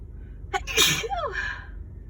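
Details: Person sick with a winter cold, having intense sneezes that would not stop; a single sneeze with a quick sharp intake, then a loud explosive burst and trailing voiced tail.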